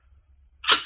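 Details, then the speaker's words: After near silence, one short, sharp burst of air through the nose, like a forceful sniff or snort: nasal air-blowing vocal tic of Tourette syndrome, now involving throat closure and tongue. "it started out as a very um just like light air blowing out of my nose and now i i just realized recently i kind of incorporate like my throat into it too like i have to kind of close it and i think i use my tongue and stuff"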